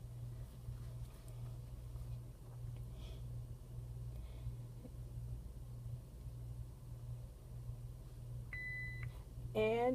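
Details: Steady room hum with a short electronic beep and a rising charging tone from a Philips MRx monitor-defibrillator running its operational self-check into a test load, set to 150 joules; defibrillator monitor beeps.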